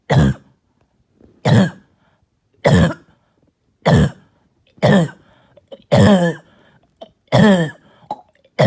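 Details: Barking and hacking cough all night: seven harsh, loud single coughs, about one per second, with a hoarse, voiced, seal-like edge.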